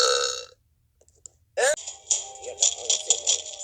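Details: Plush toy video: a short voiced belch after a sung note, with music playing over the background; burping.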